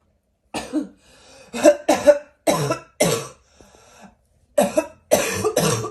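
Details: A run of about eight harsh, hoarse cough bursts with a barking quality and quiet breaths between; barking cough.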